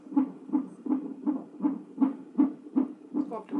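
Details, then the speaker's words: Fetal heartbeat on the monitor during a stress test at 34 weeks pregnant, mother pressing a button at fetal movement: rapid, regular whooshing beats, about 160 a minute. "I can't wait to do like the stress test to hear her heartbeat like constantly"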